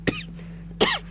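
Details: Cough.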